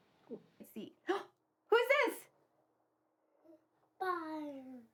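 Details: Young boy with childhood apraxia of speech attempting a word in a therapy session; vowel distortion; childhood apraxia of speech.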